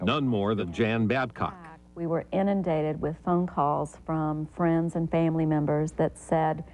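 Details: Adult woman; normal speech.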